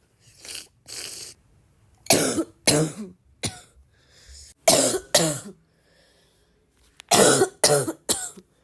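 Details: Girl with a bad barking cough: about eight harsh, voiced, forceful coughs in clusters of two or three, with breaths between.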